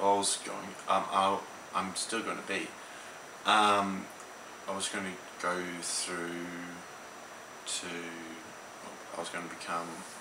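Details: Teenage male in Australia who had an ischemic stroke at age 15 and lives with aphasia affecting speech, writing, reading and numbers; hesitant speech with word-finding pauses and repetitions; aphasia.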